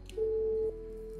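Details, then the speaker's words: Steady half-second electronic tone, then a quieter tone, from a LigaSure vessel sealer dividing bowel and mesentery during loop ileostomy closure in an 80-year-old man after robotic low anterior resection for rectal cancer. "What I like to use it is a leashure. It's a very wonderful instrument. It almost you know closes the lumen for the while that we are at work."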